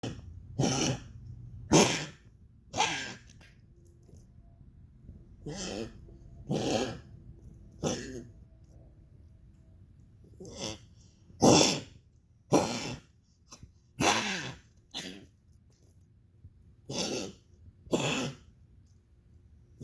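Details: Dog (named Goliath) coughing: about thirteen harsh, dry bursts over twenty seconds at irregular intervals.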